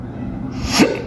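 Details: Vocal tic from a person with Tourette syndrome, occurring while they talk on camera about their own tics.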